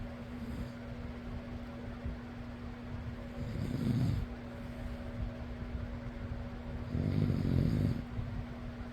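Two low, rumbling snores on breathing in, over the steady hum of a fan. Snoring.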